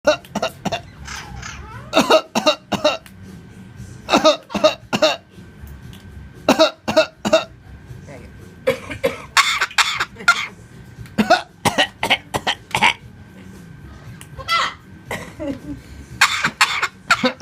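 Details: Pet cockatoo imitating a person coughing: repeated bursts of sharp, human-like coughs, a mimicked cough rather than illness.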